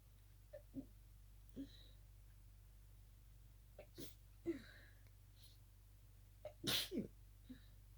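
A quiet run of small, muffled sneezes with brief catches of breath before each, ending in a louder, fuller sneeze; a stifled sneezing fit.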